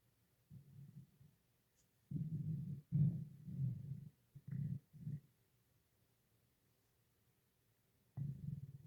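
Irregular low gurgling rumbles come in several bursts with quiet gaps between them, typical of stomach growling (borborygmi).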